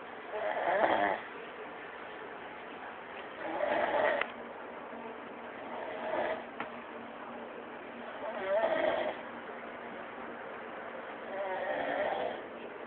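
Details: A sleeping man gives four or five loud, rattling snores at uneven intervals, with quiet breathing between them; ordinary snoring.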